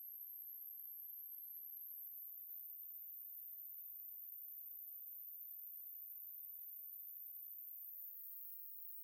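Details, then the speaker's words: Simulated hearing-age test: a steady, very high-pitched pure sine tone, faint or inaudible to many adults; ears losing high pitches miss it. "Find out how old your ears are with this hearing test. If you can't hear anything, you've reached your hearing age."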